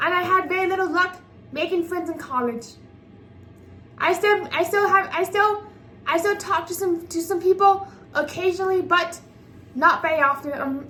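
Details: 24-year-old woman with apraxia of speech, a speech disability making sound articulation challenging, which she says worsens with new people or under pressure; speaking unscripted; apraxia of speech.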